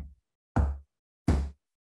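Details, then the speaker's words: Evenly spaced low thumps imitating the steady rhythm a normal heart should have, contrasted with ectopic beats in a discussion of hypothyroidism, which slows the heart rate; normal regular heartbeat (imitated). "so basically your heartbeat should be like this"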